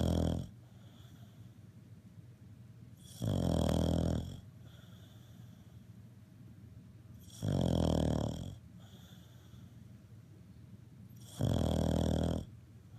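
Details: Cavalier King Charles Spaniel napping mid-morning: loud, rough snores about every four seconds, roughly 15 breaths a minute, with quiet pauses between; dog snoring in sleep.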